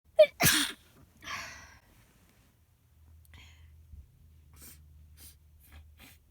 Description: From a cold I had come down with a few weeks ago. I was incredibly congested and sneezing all over the place with this cold so here's one of the fits I had.